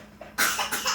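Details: Voluntary cough from a baby girl who has been in a coughing mode recently, made on purpose in play while laughing: one short, bright cough burst, harmless.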